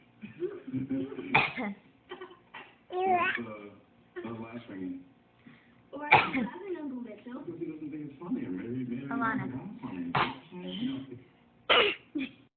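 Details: Young girl imitating her mother's cough: several short cough bursts between vocalizing and babble in a small room; copycat cough.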